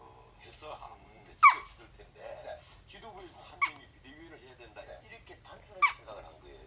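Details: A newborn gives three sharp, brief, squeaky hiccups about two seconds apart, with quiet snuffling between them. Hiccups.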